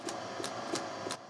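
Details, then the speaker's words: Total artificial heart pneumatic driver: rapid, regular hissing puffs of air from the external backpack driver of two implanted artificial ventricles, about 130 bursts a minute, replicating a fast heartbeat; the noise is constant. "It pumps about 130 bursts of air per minute, replicating a rapid heartbeat. That noise is always there."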